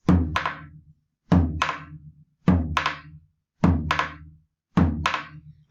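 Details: Simulated with a drum: paired beats, with the second beat doubled into two very close taps; split second heart sound.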